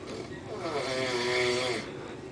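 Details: A large man snoring: one long, rough, buzzing breath that builds and fades over about two seconds.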